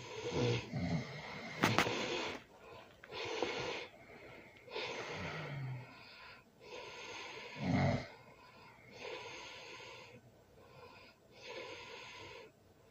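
Irregular rough, rattling breathing noises at intervals, with snorting bursts and some background noise, consistent with loud snoring during sleep.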